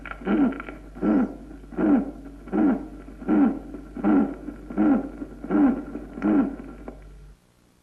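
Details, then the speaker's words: Regular heartbeats about 81 a minute, each carrying a short tonal murmur that chirps like birds or coos like a dove: a musical heart murmur. "y son musicales cuando son sonoros tipo piante esto es como el piar de las aves o en arrullo de Paloma o en gras nido de o como un gemido escuchemos algunos ejemplos"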